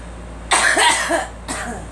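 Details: Girl coughing: a harsh cough burst, then a second shorter one, over faint room noise.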